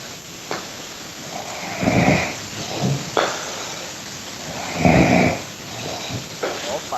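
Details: Man snoring while sleeping at 4 a.m.: rough, noisy snores roughly every three seconds, about 20 a minute, over background room noise.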